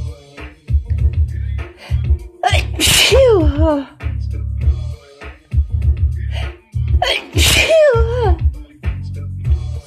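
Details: Remnants of a cold plus allergies, lingering nasal tickle: two forceful sneezes about five seconds apart, each with a drawn-in breath and voiced burst, over background music: sneezing fit.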